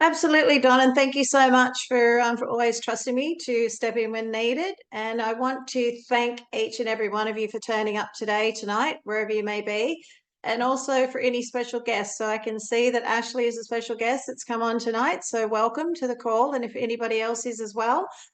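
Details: Adult woman speaking; normal voice.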